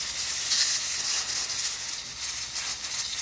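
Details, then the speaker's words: Continuous airy hiss of a dental air syringe drying a posterior tooth after the etch was rinsed off, before placing sealant material in the pits and fissures. "it's nice and dry we'll go ahead and place our sealant material"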